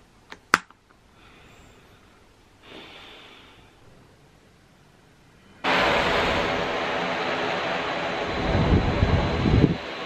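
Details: Sleep apnea patient using a CPAP machine at home: after a soft breath out through the nose, the machine switches on with a steady rushing airflow through a nasal mask.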